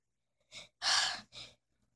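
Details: Simulated cartoon sneeze voiced for the character Lone Wolf: two short breathy inhalations around a loud hissing burst.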